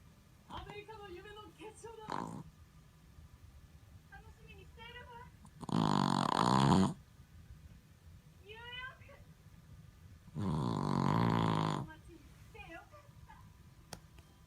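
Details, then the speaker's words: Sleeping Boston Terrier snoring: two loud, rattling snores about five seconds apart, with quieter whistly, snuffling breaths between them. "リーちゃん、ケリーちゃん、いびきうるさい。うるさいよ。"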